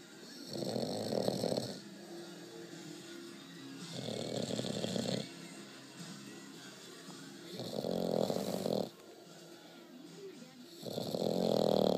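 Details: A bulldog puppy snores loudly and rhythmically, about 18 times a minute, over faint background music.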